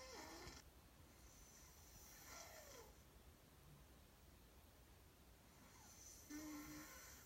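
Quiet, noisy breathing with three soft snoring or snorting bursts over about seven seconds against steady room noise; snoring.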